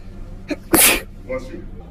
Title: Girl sneezing 4